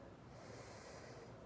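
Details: Normal breath sounds heard on self-auscultation of the anterior lung fields, including the right lower lung, during a head-to-toe assessment demonstration; deep breathing in and out, with no crackles heard.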